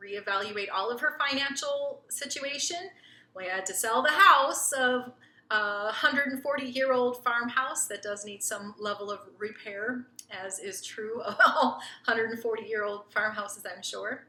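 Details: Adult woman speaking; normal fluent speech.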